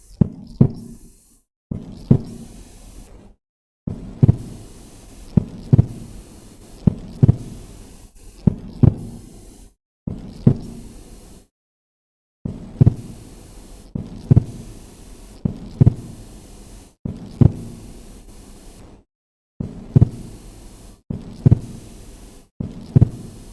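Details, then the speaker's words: Normal physiological splitting of the second heart sound: regular paired heart sounds, with S2 briefly splitting into two components over one or two beats toward the end of inspiration as the patient breathes in. "that's the split which you hear okay that is a normal splitting second heart sound"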